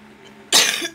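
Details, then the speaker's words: One short, harsh dry cough from a woman with an itchy throat, after a quiet moment, with light room noise. "Mama gatel tenggorokannya ya."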